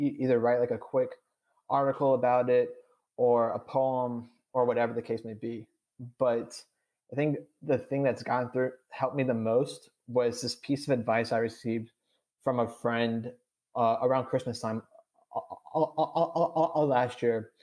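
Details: 26-year-old adult who has stuttered since childhood, had speech therapy twice, and says he stutters on this recording with blocks and syllable repetitions; stuttering.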